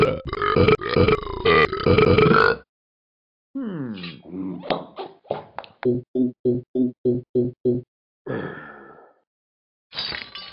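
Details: Repeated burping of unexplained cause: long rumbling belches followed by a rapid run of short, clipped ones.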